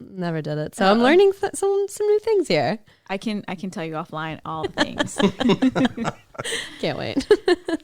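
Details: Adult man who stutters in his natural voice, reduced after much speech therapy, sometimes unnoticeable or sounding like fast talking, absent when doing accents or voices; stuttering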